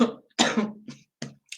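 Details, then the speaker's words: Short cluster of two or three voiced coughs with a throat-clearing quality, from a speaker with a bad cold and cough during a live talk: cough. "I have a terrible terrible terrible cold and a cough so I hope to god that you don't hear it at all"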